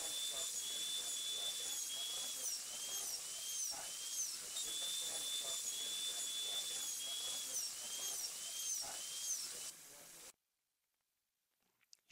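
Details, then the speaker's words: Low-speed long-shank no. 4 or 6 bur cutting along the tooth's long axis through dentin into the pulp chamber during endodontic coronal access: continuous shrill whine with slight pitch dips, ending abruptly. "make a cut with the long axis of the tooth and cut directly through the dtin into the large pulp horn or the largest area of the pulp chamber"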